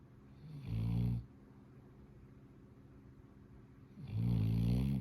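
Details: A sleeping dog gives two deep, low, vibrating snores on inhalation a few seconds apart, quiet in between. Snoring.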